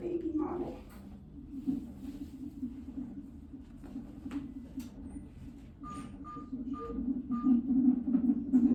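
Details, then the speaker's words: Normal fetal heart tones on an electronic fetal monitor Doppler at 37 weeks 3 days, head-down fetus, probe over the baby's back: rapid rhythmic whooshing at about 140s bpm, checked against maternal pulse of about 60. "okay so when you first hear fetal heart tones I always like to you should you can put um you want to compare to make sure it's not the pulse of the mother"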